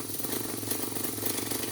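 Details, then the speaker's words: Steady, rapid mechanical buzzing and pulsing: a Durave 2 piston-type nebulizer compressor running continuously during a test of a unit brought in for no power; the nebulizer is working normally. "So guys, testing natin kung tatakbo to bago natin i-fix yun. Okay. Nahangin na."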